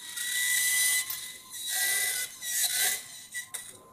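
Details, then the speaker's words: High-pitched whining high-speed surgical drill in bursts with brief pauses during a minimally invasive TLIF spine surgery, drilling the inferior lamina for a laminotomy: through the outer cortex and cancellous bone, now in the inner cortical bone, almost reaching the ligamentum flavum. "so i drilled through the outer cortex the canned sauce bone now on the i'm in the inner cortical bone so almost to the ligament of flavum here"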